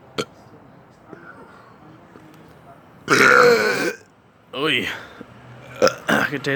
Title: Burping with my baby in the dark lol